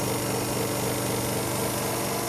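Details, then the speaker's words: Nebulizer machine (prescription asthma treatment) switched on with mouthpiece in mouth during slow deep breaths: steady, loud buzzing motor hum without breaks, nebulizer compressor running. "then all we do is go ahead and turn the nebulizer on and we're going to put it directly in our mouth and then take slow deep breaths slow deep breaths"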